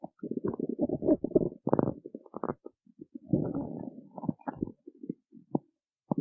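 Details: Stomach growling after skipping breakfast: gurgling, bubbling rumbles in irregular bursts with short gurgles between; ordinary borborygmi from an empty stomach.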